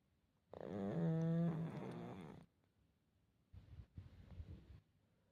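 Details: Sleeping pug: long, tonal, whistling snore, then after a pause a rougher, rattling snort; flat-faced dog snoring.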